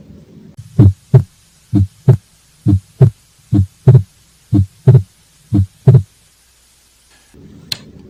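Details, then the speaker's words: Regular heartbeat about 63 a minute, S2 splitting into two close parts during inspiration; physiological S2 splitting. "splitting of s2 is usually most easily appreciated near the second left intercoastal space next to the sternum which is the pulmonic area"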